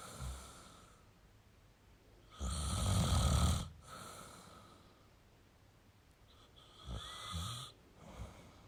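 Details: Male adult snoring in a quiet room: two loud, rough inspiratory snores separated by quiet breathing.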